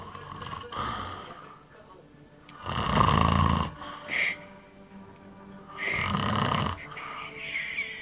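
Loud, rough, rattling snores on breathing in, two over eight seconds, with quieter breathing and faint background sound between them.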